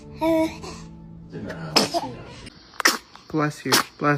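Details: Infant sneezing compilation: several short, sharp baby sneezes mixed with adult voices and background music; ordinary infant sneezing.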